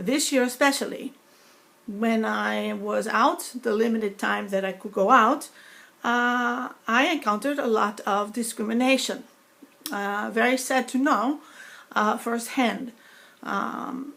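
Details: Woman with foreign accent syndrome after a stroke eight years earlier (2012), speech sounding sometimes Russian or Greek rather than her native New York accent, deficit less evident when speaking faster; foreign accent syndrome.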